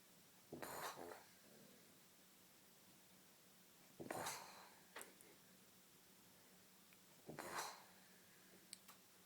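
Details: Three loud, rough snoring breaths about 3 to 4 seconds apart, roughly 18 a minute, from a sleeping Dominican grandmother in a quiet room; ordinary snoring.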